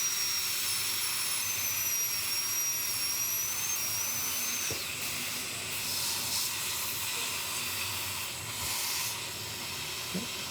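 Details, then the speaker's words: Crown preparation under a dental microscope on an endodontically treated upper left first molar with a mesial crack: high-pitched drill whine with gliding pitch changes over steady suction hiss, cutting the lingual middle third. "Okay, so again, a lot of this is just side-to-side movement and then changing the position of the mirror that gives you the full view of that upper molar. So let's do the lingual now. Middle third."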